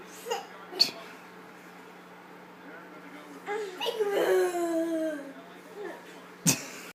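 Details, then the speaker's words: Two young children, both with hiccups: short sharp catching sounds between child vocalizing and giggles; hiccups. "He's got the hiccups. They both do. They both have the hiccups."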